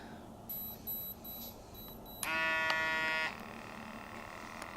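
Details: Short electronic beeps, then a sustained buzzing tone from an Equate 4500 Series wrist blood pressure monitor during a measurement that ends in an error, before a retry succeeds.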